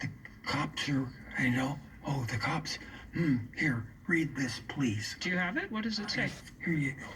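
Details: Aphasia after a stroke in a man still recovering, coaxing the words out; aphasia.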